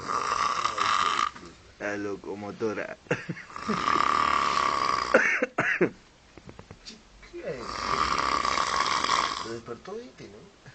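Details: Loud, rough snores about every three to four seconds, with nearby voices talking between them: snoring.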